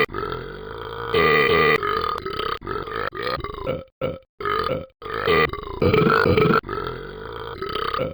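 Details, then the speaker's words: A run of long, loud, voiced burps with brief pauses between them, drawn out on purpose to see how long the burping could last. "let's see how long I can burp"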